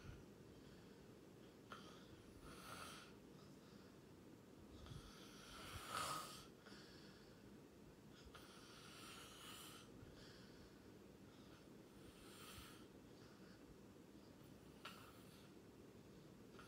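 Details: Person recorded sleeping, snoring: soft rhythmic snoring breaths with occasional snorts, about one breath every three to four seconds, over steady background hiss.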